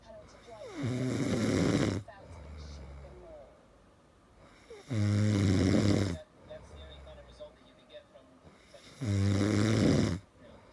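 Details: Husband's very loud snoring keeping his wife awake all night: three loud, rough inspiratory snores about four seconds apart, each followed by a quieter exhale.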